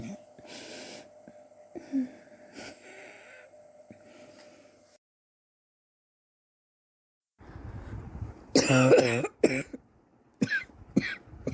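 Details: Scattered throat-clearing and harsh cough bursts with a quiet gap; persistent cough over recent weeks, self-suspected bronchitis, chest x-ray pending to check for pneumonia.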